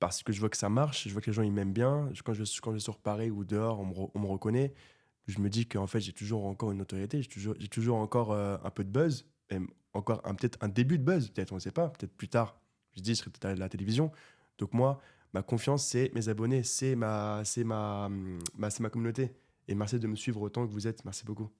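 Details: 24-year-old man who has stuttered since birth; severe in childhood and treated with speech therapy; now stutters only a little, mainly under stress; stuttered little in this recording; stuttering.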